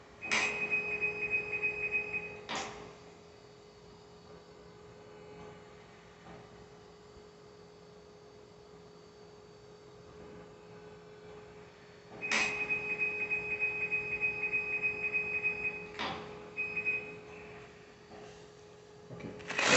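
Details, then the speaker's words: Electronic beeps start and end two measurement cycles with a quiet steady hum between: an automatic blood pressure monitor reading on a long-term dialysis patient, relaxed, just after finishing a 3.5-hour dialysis session. "So I'm going to take my pressure now. When you're taking your pressure, it's always good to relax."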